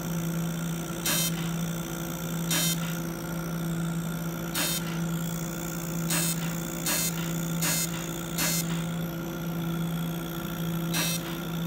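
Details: Fractional CO2 laser running during a skin rejuvenation treatment; constant low machine hum with brief high-pitched beeps at irregular intervals, about 26 a minute, as the laser fires.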